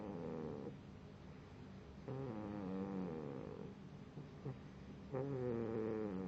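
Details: Sleeping pitbull puppy: repeated buzzing, fluttering snores with each breath, some faintly whistling, over steady low background noise; snoring.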